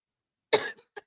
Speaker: Excuse me, y'all. This cough is killing me right now. I don't know why. I'm coughing so hard.